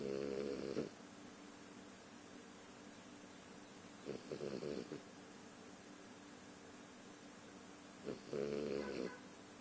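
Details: A baby girl snoring while asleep.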